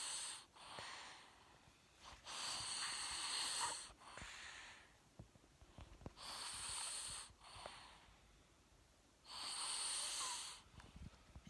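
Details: Snoring: loud, rough, hissing breaths roughly every three to four seconds with quiet pauses between them.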